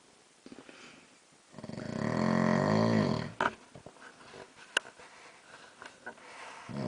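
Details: Adult man asleep at night, snoring louder over time, one long, loud, rattling snore on an in-breath, then quieter breathing; snoring.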